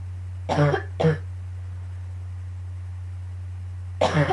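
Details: Morning coughing fit right after waking, becoming painful at the end: three harsh, forceful coughs, two close together then one after a pause, over a low hum.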